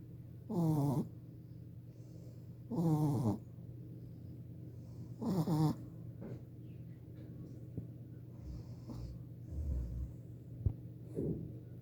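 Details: A 4-month-old Shih Tzu puppy snoring while asleep: rhythmic, rattling snores on each breath, about every two and a half seconds, over low room hum.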